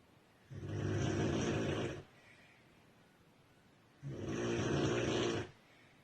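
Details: Two long, coarse, buzzing snores roughly 3.5 seconds apart with near silence between, about 17 breaths a minute, from a sleeping woman described as a very heavy snorer; snoring.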